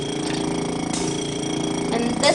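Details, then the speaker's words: Wall suction unit switched on and tested before tracheostomy suctioning in a demonstration: loud steady motor-like rumbling hum with a rattling edge, the expected sound of working suction. "the sound we hope to hear that shows that it's workable going to go ahead and turn it off for right now"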